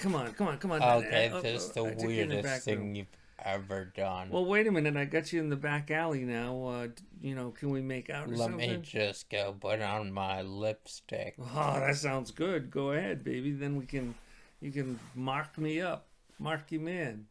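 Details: Adult male speaker; normal speech.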